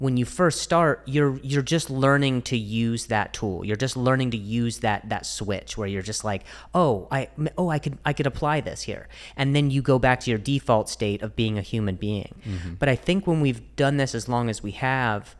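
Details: Adult male who stutters, speaking with word repetitions: stuttering.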